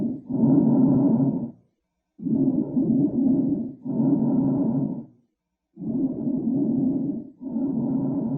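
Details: Lung sounds from a person with long-term smoking addiction, showing abnormal breath sounds (rhonchi).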